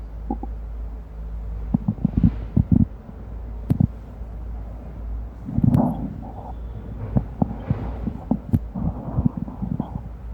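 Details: Amplified recording of an abdomen: low gurgling rumbles and irregular clicks and pops over a steady low hum, typical active bowel sounds (borborygmi).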